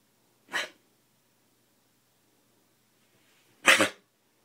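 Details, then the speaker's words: Two short, sharp cough bursts from a dog, about three seconds apart. Deep, repeated coughing the day before is now much better, a milder cough. "why will you not stop coughing like that those deep coughs were going on and on and on and on yesterday today a lot better so that's good"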